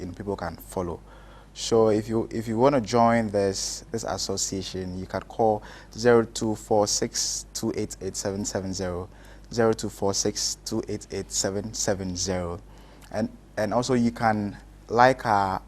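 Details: Adult male speaker; stammering.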